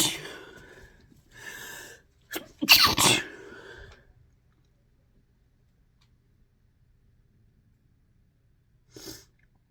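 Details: A few breathy bursts, then one loud explosive sneeze, a long quiet pause and a short final burst; ordinary sneezing from a compilation of induced and natural sneezes.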